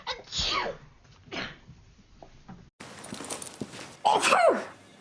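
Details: Acted sneeze in a TV drama scene: a sharp intake, then a forceful burst, amid room sounds.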